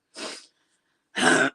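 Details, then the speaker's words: Adult who says he is getting sick gives two separate short, harsh cough bursts about a second apart. "okay I'm gonna cough just a second okay I think I feel better I'm glad I I didn't subject you guys to the sound"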